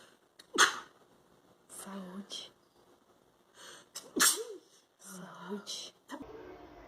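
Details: Girl sneezing: two sharp, explosive sneezes, each with a brief inward breath, with soft murmured sounds between. Repeated sneezing.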